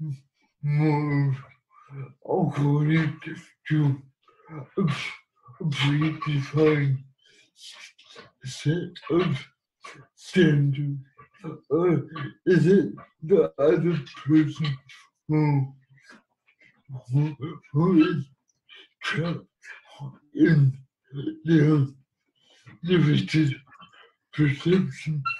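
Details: Dysarthric speech in an adult man living with cerebral palsy.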